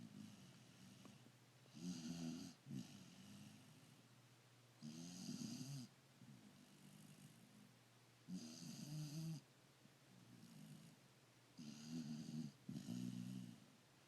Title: Fabby D's Wolfmaster snoring